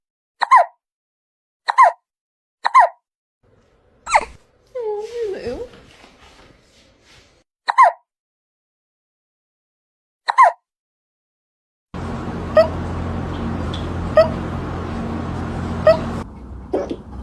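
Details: Hiccups in a tiny cat after eating its food too fast: short, sharp, evenly spaced hics, about six over several seconds, with a brief vocal sound between them and room noise near the end.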